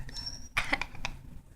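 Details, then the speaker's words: Animal with a bad choking cough: a quick run of three or four harsh, gagging cough bursts. "that's a bad choking cough that's so bad are you gonna make it"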